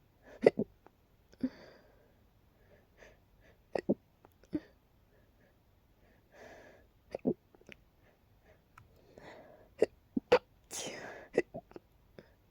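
Sharp, abrupt catches of breath repeating at irregular intervals, about a dozen in twelve seconds; hiccups.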